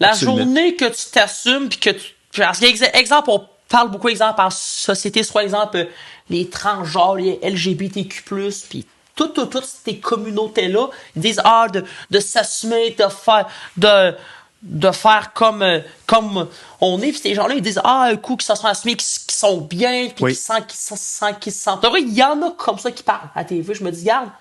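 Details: Adult male who stutters and uses his own strategies to control it; French speech; stuttering.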